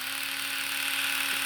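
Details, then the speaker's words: Steady high-pitched electric buzz with faint brushing sounds from a two-speed, two-headed sonic toothbrush with swiveling heads, moved back and forth over the teeth (Bass method); electric toothbrush running. "that's high this is low and your teeth will add to the guide see they swivel but you're effectively going to move the brush just back and forth and the heads will do the work"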